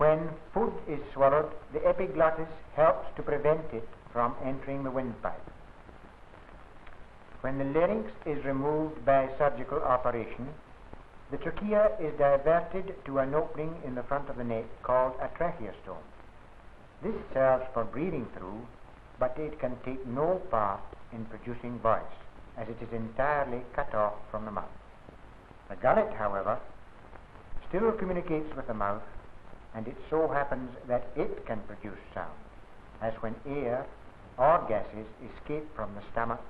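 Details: Adult male narrator; normal speech.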